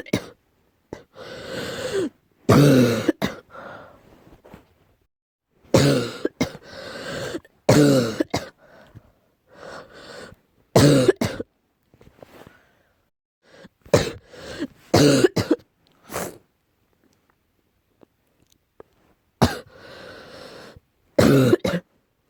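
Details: An adult coughs repeatedly in short bursts with a deep, low, chesty sound (deep cough); the recording is tagged allergy.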